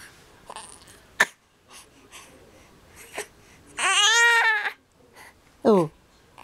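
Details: Four-month-old baby during tummy time, with soft fussing and small vocal sounds, then one sustained wailing cry and a brief sob in a quiet room. Infant cry.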